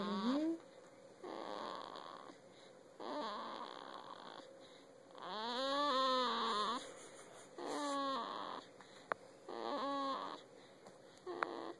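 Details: Newborn baby on his sixth day of life, asleep on his father's chest, snoring: soft rhythmic noisy breaths about every two seconds, some squeaky and whistling.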